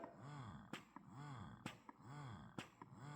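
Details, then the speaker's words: Willow Go wearable in-bra breast pump in expression mode: rhythmic, longer, drawn-out suction cycles, each ending in a soft click, about 65 a minute. "the longer suctions—that’s expression mode."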